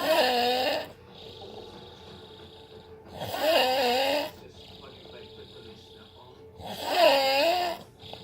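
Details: Loud, rough, vibrating snores about every three seconds, roughly 20 a minute, with quieter breathing between; snoring.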